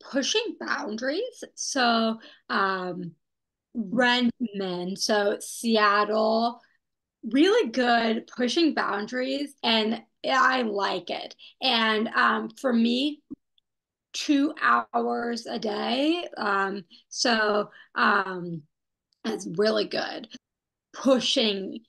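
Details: Young woman who had a stroke at age 27, after intensive rehabilitation; post-stroke aphasia.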